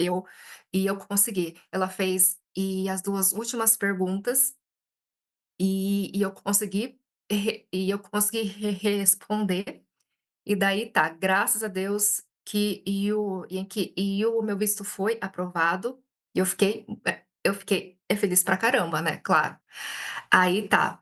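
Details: Stuttering in an adult Brazilian woman speaking Portuguese, who reports many blocks when speaking.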